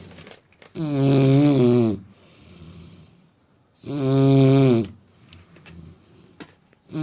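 Two long, loud, buzzing snores about three seconds apart, with quiet breathing between; snoring during sleep.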